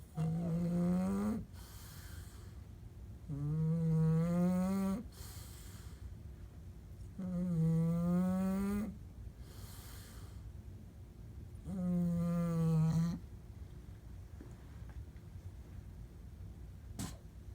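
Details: Loud, low, buzzing snores on each breath in, four cycles at about 15 breaths a minute, with quiet breaths out between them; prolonged snoring.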